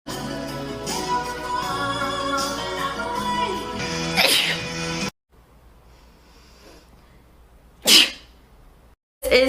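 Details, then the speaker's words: Girl who says she needs to sneeze and must wash her hands, after vowing not to; two sharp sneeze bursts, the first over background music, the second in a quiet room; sneezing. "oh no kind of made a vow oh I need to sneeze I have to go wash my hands now excuse me"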